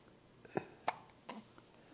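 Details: Awake baby boy who was also sneezing that night: three abrupt, sharp, gulping catches in quiet room noise; hiccups.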